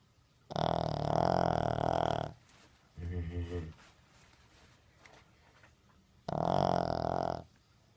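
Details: Snoring from a sleeping King Charles spaniel: two long, loud, rattling snores about four seconds apart with a softer snort between, in a quiet room.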